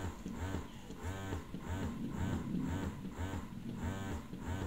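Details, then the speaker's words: Phanpy hospital-grade double electric breast pump in massage mode, suction-level demonstration: steady rhythmic mechanical pulsing of the motor, about two cycles a second. "okay so this is the massage mode this is the suction level you will now be able to visualize how it works how the suction works"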